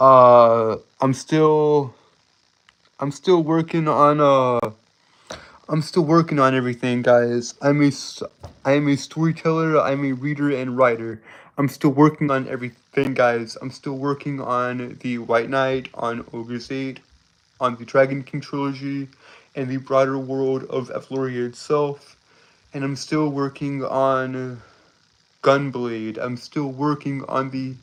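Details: Male streamer with a self-reported speech impediment that makes him stutter and trip over his words; stuttering.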